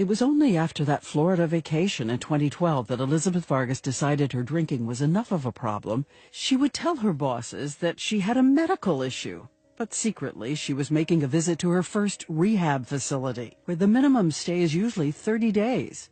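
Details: Adult narrator; normal speech.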